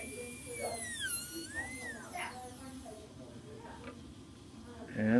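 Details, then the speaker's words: High-pitched whine of a dental bur rising and falling, cutting an about 1 mm non-functional cusp bevel on tooth #14 during full zirconia crown preparation with chamfer margin; dental bur cutting tooth. "so let's line our bur up and do"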